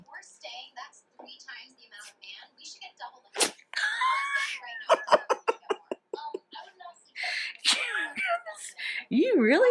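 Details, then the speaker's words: Puppy, a female, gives a run of short, sharp sneezes in quick succession while a person asks if she is okay: sneezing fit. "Puppy, that's a lot of sneezes. You okay? Are you done?"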